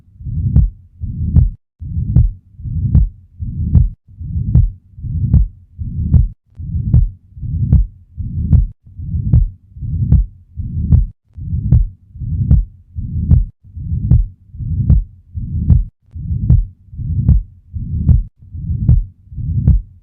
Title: VENTRICULAR SEPTAL DEFECT - LOWER LEFT STERNAL BORDER | HEART SOUNDS | AUSCULTATION | MURMUR